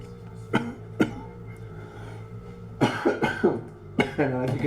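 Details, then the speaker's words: An adult still unwell, with a hoarse voice likened to gargling gravel: two sharp, isolated coughs, then a run of harsh, voiced cough-like bursts over a faint steady background tone; cough. "you could tell at home I am still coughing my lungs out and I sound like I'm graveling graveling like I'm gargling gravel"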